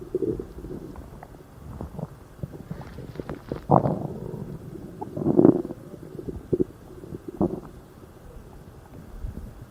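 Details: Super loud, intense stomach growling: borborygmi (bowel sounds).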